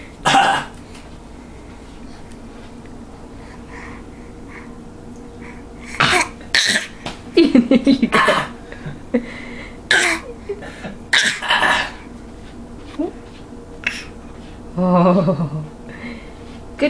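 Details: A young child makes a series of short, forced cough-like bursts, imitating their father's cough.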